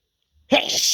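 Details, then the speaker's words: Single sudden, explosive sneeze from an adult with dust allergy, triggered by household dust after nose tickling; allergic sneeze. "Yeah, it's just tickling my nose like so bad. I feel this sneeze coming."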